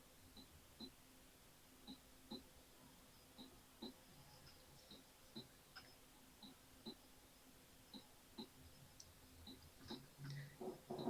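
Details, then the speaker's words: Simulated heart sounds at the base (aortic and pulmonary foci): soft, clicky paired beats with the second sound louder, the normal S1 and S2 pattern at the base. "no en cambio el segundo ruido siempre va a ser más fuerte y más intenso en los focos de la base"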